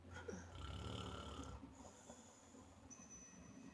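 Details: A sleeping man's loud snoring: a single loud, low, rattling snore on an in-breath, followed by quieter breathing against faint room noise.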